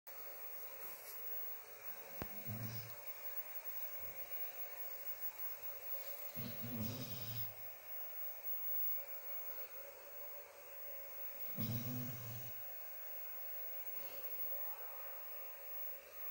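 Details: A dog snoring in its sleep: three low rumbling snores about five seconds apart over a steady background hiss.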